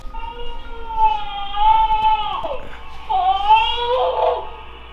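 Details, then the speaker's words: Baby during sleep training, eyes shut in his bed, not crying steadily: short on-and-off whining cries that stop and restart, ordinary infant fussing rather than steady crying. "he's like not consistently crying he stops and then he whines and he stops and i just peeked in there and checked on him and his eyes are shut so it's like i don't know if i should grab him or not"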